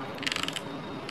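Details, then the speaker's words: Rapid series of about seven light mechanical clicks as the rotary knob of a Chinese syringe pump is turned (turning right increases the value), over steady room noise. "আর এটা যখন আমি rotate করবো ডানদিকে rotate করলে বাড়বে বামদিকে rotate করলে"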